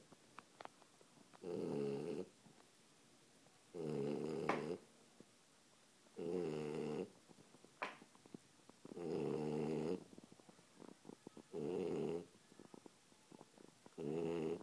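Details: A dog sleeping upside down on a chair: rhythmic buzzing snores about 25 a minute, each nearly a second long, with quiet pauses; snoring.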